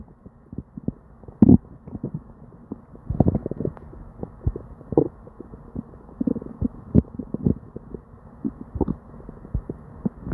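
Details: Person with diarrhea: upset stomach with near-constant gurgles, pops and rumbles with hardly a pause; loud, frequent hyperactive bowel sounds (borborygmi).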